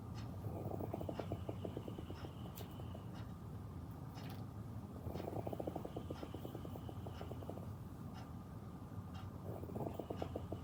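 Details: Dad sleeping at 7am, recorded on iPad: repeated fluttering, vibrating snores about every four seconds over a steady background hum; ordinary sleep snoring.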